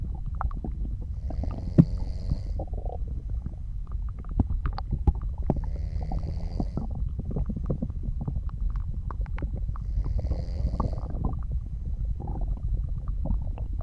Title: Soft Snoring and Digestion Sounds